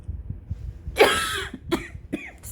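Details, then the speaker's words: Adult sick with COVID-19, cough persisting despite a breathing treatment: a run of about four coughs, the first long and harsh; COVID-19 cough. "i apologize for the coughing i'm actually sick um i took a breathing treatment thinking it would help before this"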